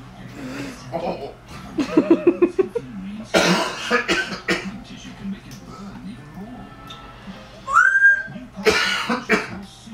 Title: My African Grey coughing